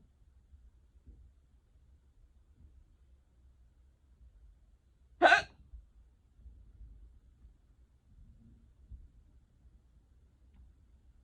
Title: OMG GUYS I GOT THE HICCUPS